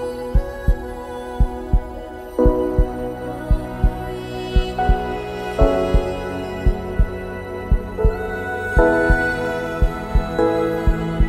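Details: Produced heartbeat sound effect in an epic music mix: steady paired lub-dub thumps at about 55 a minute over slow orchestral music; a regular heartbeat.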